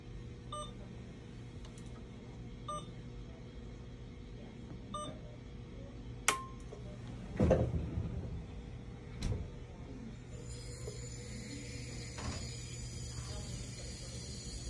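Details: Alaris syringe infusion pump being set up for epoprostenol (Flolan/Veletri) inhalation therapy in a demonstration: soft repeated electronic beeps, then clicks and handling noises over a steady room hum; infusion pump beeps.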